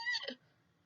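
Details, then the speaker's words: Nursing lecture demonstration: a brief, high-pitched, harsh whistling breath in, inspiratory stridor from the upper airway, as in croup-type illness with hoarseness and barky cough. "when they're breathing in it's inspiratory right when they're breathing in and it's upper airway right it's up here this is not a lower airway sound this is coming from the upper airway"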